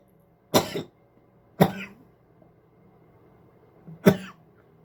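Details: Repeated coughing, cough after cough, followed by spitting.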